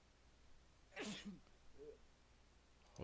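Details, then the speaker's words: A single sharp, explosive sneeze from an adult man on a live-stream call, followed by a brief faint voiced sound; an ordinary sneeze. "oh oh this is funny y'all heard him sneeze i mean if you can hear that then i'm pretty sure we're pretty good"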